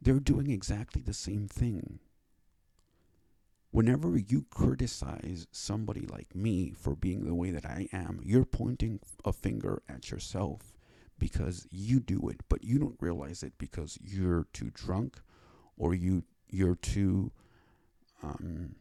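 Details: Dysarthric speech in a male with cerebral palsy who reports a speech impediment and received speech therapy after five years of seeking it.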